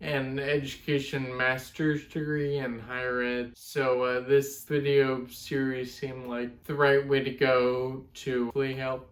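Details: 32-year-old man with Friedreich's ataxia, a genetic degenerative neuromuscular disorder, who uses a wheelchair; speech affected since his mid-20s; ataxic dysarthria.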